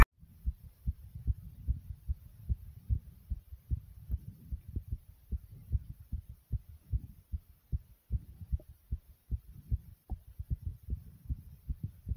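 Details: Person's own heart after jumping in place: very fast, very strong heartbeat, quick forceful thumps repeating steadily.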